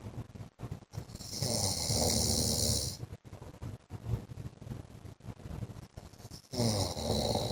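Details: Loud, harsh rattling snores with noisy breathing between them, roughly every five seconds: an adult man (husband) snoring in sleep.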